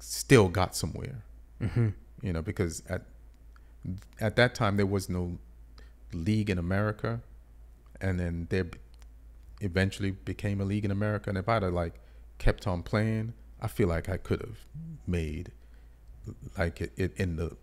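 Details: Adult male speaker; normal speech.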